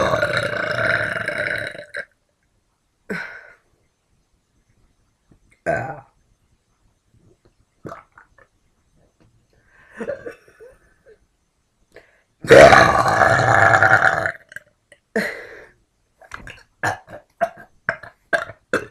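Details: A woman burping: several long, drawn-out belches, then a run of short quick ones, with silent gaps between.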